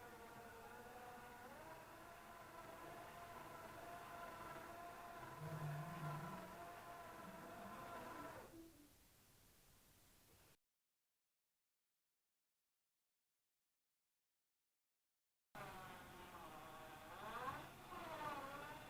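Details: Home-made 3D-printed mechanical ventilator driven by a 30:1 power-drill gearbox with a further 3.76:1 reducer, powered from 12V DC; steady motor and gearbox hum with rising and falling pitch, stopping then starting again.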